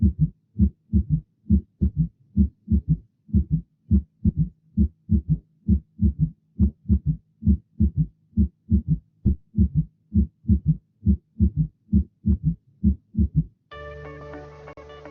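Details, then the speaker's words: Fourth heart sound (S4 gallop), a gallop rhythm considered always indicative of pathology; fourth heart sound. "El cuarto ruido cardíaco lo consideraremos en lo operacional siempre indicador de patología."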